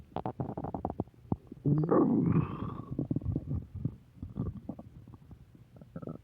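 Gurgling, bubbling rumbles with a drawn-out squeaky growl in the middle; ordinary stomach growling.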